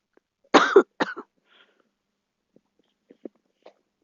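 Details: A girl gives two short coughs in a quiet room, followed by faint breaths and small noises; cough.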